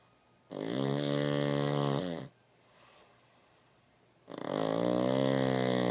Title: Bernie snoring